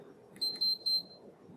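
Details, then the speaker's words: Moog EnteraLite Infinity enteral feeding pump at home, three short high-pitched beeps as run/pause is pressed to stop the feed; the run wheel disappears, indicating the feed is held; normal operating tone. "the pump will beep and a little wheel indicating uh with the with the word run in in the middle will indicate that you are feeding the patient in order to stop the feed we'll press that run pause again"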